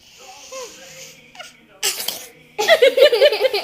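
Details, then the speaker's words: Playful pretend sneeze: a soft voice, then a sudden hissing sneeze-like burst, followed by bubbly giggling. "you pretending to sneeze a"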